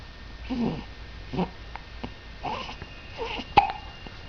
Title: hiccups situation